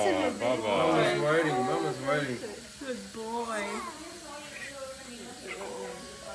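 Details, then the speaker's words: Newborn boy who was not crying at birth and was taken by staff to be stimulated: rhythmic wavering cries, loud at first then fading amid room noise; newborn cry. "you know eventually I did hear him cry they got him crying okay okay"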